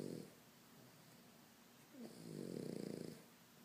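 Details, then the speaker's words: Sleeping pug snoring heavily: fluttering, rattling snores on breathing in, with quiet breathing between. "Oscar. Oscar. What are you doing, buddy? What are you doing? You're snoring."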